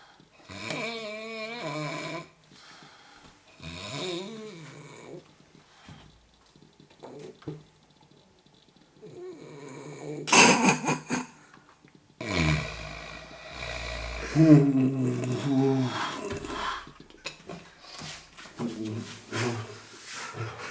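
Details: Heavy snoring during sleep: loud, irregular snores with rattling, snorting breaths and uneven pauses, about 15 a minute.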